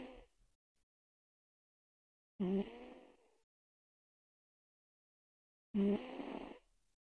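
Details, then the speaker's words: Three rough, droning snores about 18 a minute with quiet pauses, from a sleeping cat, microphone held near his mouth: snoring. "Guster's snoring. I don't know if you can hear him. I'll put the microphone up to him, maybe."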